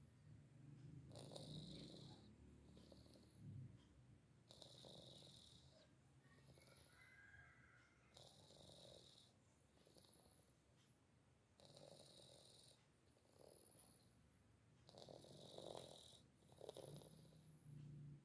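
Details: A sleeping pet cat snores softly, with raspy, snorting breaths repeating throughout: snoring.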